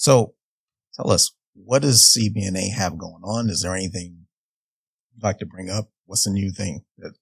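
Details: Adult man speaking; Normal speech.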